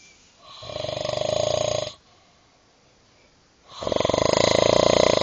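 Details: Heavy snoring: loud, fluttering snores on two breaths with a quiet pause between.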